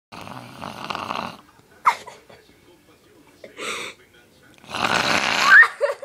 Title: My mom pretending to snore to scare my dog